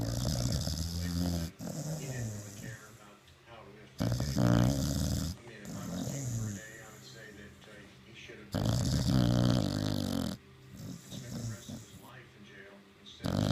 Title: Happy snoring